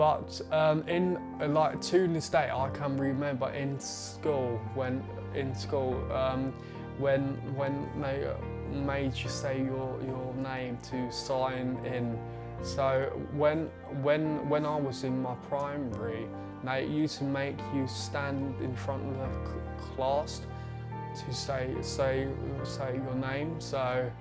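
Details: 20-year-old man with a stammer since about age eight, blocking on first syllables or letters of words, especially his own name; stuttering (stammer)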